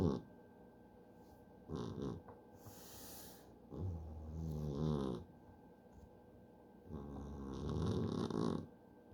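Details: A cat in deep sleep, snoring: rough, rattling, noisy breaths repeating about every four to five seconds against a quiet room.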